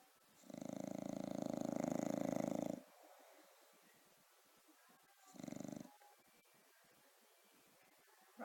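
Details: Sleeping dog named Rocco giving a long rattling snore, then a shorter one after a quiet pause, before being woken for food; snoring.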